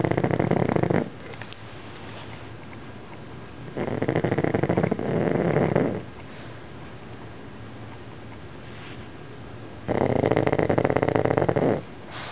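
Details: Pug sleeping and snoring heavily before waking: loud, harsh, buzzing snores lasting one to two seconds each, with quieter breathing between.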